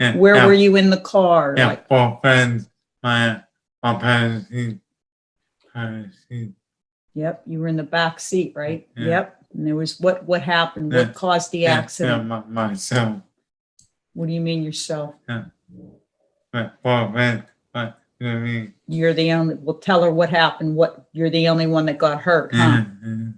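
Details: Adult man in conversation with one or more other adults; conversational speech.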